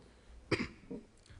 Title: Australian Government Minister Tested for Coronavirus After Coughing Fit During COVID-19 Speech